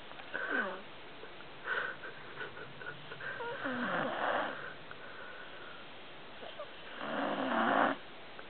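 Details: Irregular, rough snorting breaths with some whistling tones, about 17 a minute, from a sleeper snoring heavily. Snoring.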